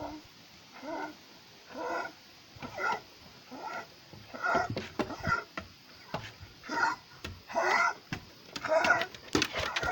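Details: 13-year-old pit bull that cannot breathe normally for everything: repeated noisy, effortful breaths, about one a second, with rough whimpering tones; laboured breathing.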